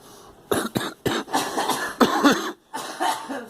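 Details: Girl coughing: a quick run of short cough bursts, then a few longer, throatier coughs.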